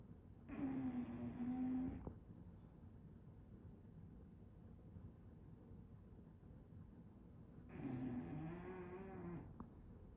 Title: Snores, Rolls English Bulldog